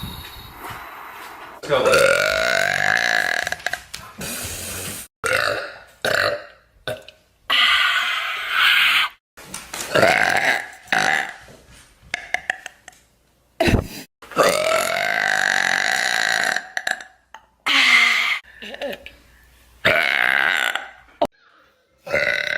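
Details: Repeated deliberate burping from a burp compilation: a series of long, loud, voiced belches in bursts separated by short pauses; burping.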